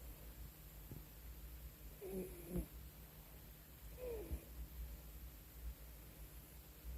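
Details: Pet cat makes two brief, wheezy, snore-like noises over a steady low rumble while being petted; snoring sounds in a cat.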